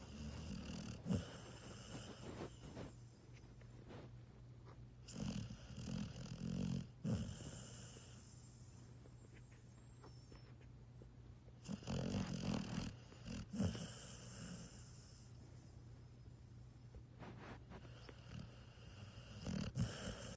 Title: Gunner is snoring